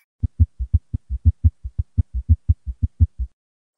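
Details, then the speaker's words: Fast heartbeat, about 110 a minute, with a soft third sound after each beat pair; a gallop rhythm, S3 paired with tachycardia as in heart failure. "now a true gallop rhythm is when s3 is paired with tachycardia and this happens in heart failure it sounds very similar to what I just played you just a little bit faster and this is due to the tachycardia"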